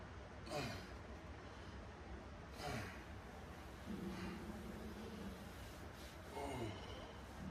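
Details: Repeated low, drawn-out gurgling rumbles over background hiss, recorded in a bedroom; loud stomach growling (borborygmi) from hunger.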